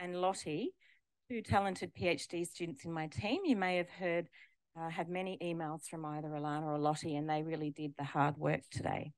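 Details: Adult woman; typical adult speech.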